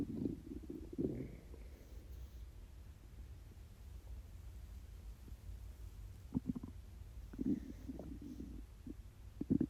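Low gurgling rumbles and squeaky bursts from the belly over steady low noise; hunger stomach growling.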